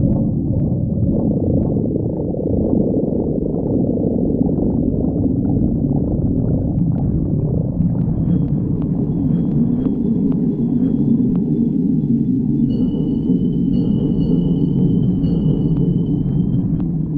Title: stomach growling